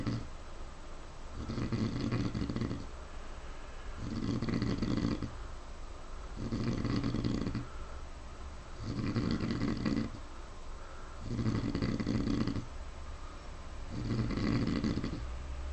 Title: Sayer the pig snoring